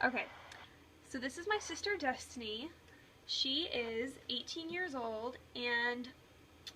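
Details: Adult woman speaking; no speech disorder.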